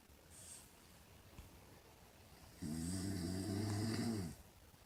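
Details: Mother, who denies snoring, asleep: quiet breathing, then one loud, drawn-out rattling snore on an in-breath in a quiet room.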